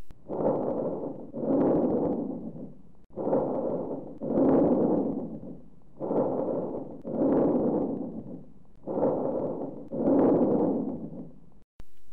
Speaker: Over the right infraclavicular and interscapular regions, we hear bronchovesicular breath sounds. They have a rustling quality like vesicular sounds but are harsher, expiration is prolonged, and there is no gap between inspiration and expiration.